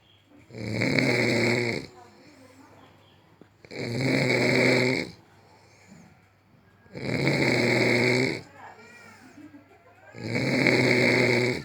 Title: Suara ngorok no 1 dunia